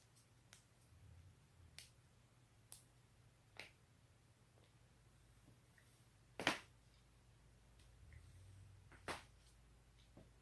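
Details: Neck and back cracking: several sharp isolated cracks and pops in a quiet room, about six in ten seconds, as joints are twisted, joint cavitation.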